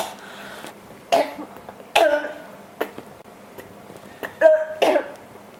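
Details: Persistent cough: irregular run of about seven short coughs and throat clears, the cough keeps coming back.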